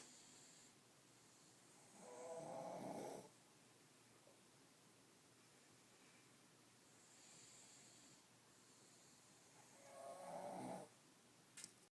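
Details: Dog (Scout) snoring as usual in sleep: two rough, rattling snore bursts about eight seconds apart with quiet breathing between.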